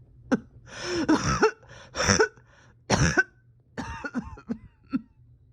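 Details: Painful cough: a run of harsh, strained coughs with throat clearing and short catches of breath, in a patient reporting a tight chest with oxygen levels holding steady.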